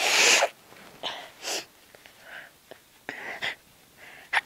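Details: Sneezes stifled to stay quiet while others slept: a burst of sneezing followed by several soft, suppressed sneezes with hushed breaths between them.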